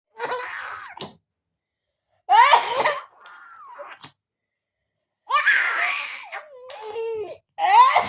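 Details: Mother sneezing while an infant laughs at the sneezes; sharp sneeze-like bursts alternating with infant giggles in a small room.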